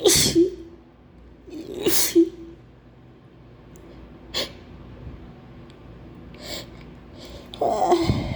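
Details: Acted sneezing fit. The performer says they have a terrible flu and try to hold the sneezes in. About four forceful, wet sneezes with brief breath build-ups between them; a repeated sneezing fit.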